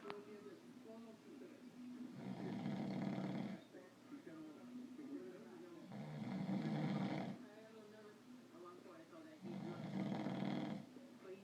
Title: This snoring most definitely could wake the dead!